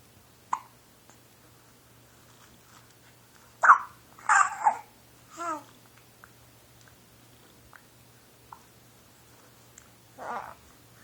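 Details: A 13-week-old baby cooing with hiccups: soft cooing broken by several short, sharp hiccup clicks in a quiet room.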